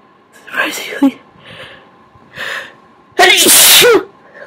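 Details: Sneezes induced by tickling the nose with a Q-tip: several quick sharp in-breaths build to one loud, explosive wet sneeze.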